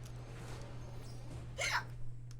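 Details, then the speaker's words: Female streamer with hiccups while playing video games on a live stream: a single sharp, abrupt voiced hiccup over a steady low hum. "Because I'm playing hiccups. I'm getting the hiccups out of playing video games."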